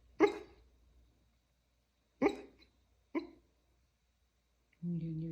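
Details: Hiccups in a sleeping dog: three sudden, sharp, short gulping sounds at uneven gaps, then a brief whine.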